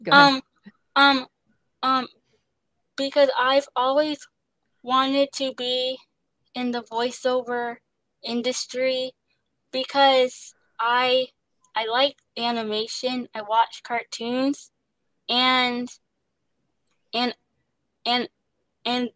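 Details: Stuttering in a young woman, an actress, singer and dancer, who describes pauses, word switching and restarts and receives speech therapy.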